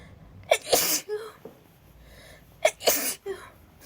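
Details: Girl, cold and wet after being soaked in rain and with a starting headache, gives two quick, explosive sneezes in an acted bout of repeated sneezing.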